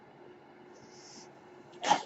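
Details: Podcaster's own ventilator audible in the background while they speak; mechanical ventilator noise.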